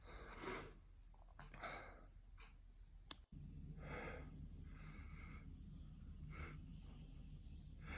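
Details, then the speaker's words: Quiet breathy inhalations and soft sneeze-like bursts over a steady low hum, with a brief cut partway through; ordinary sneezes. "I told you I was gonna sneeze. Bless me. Bless me."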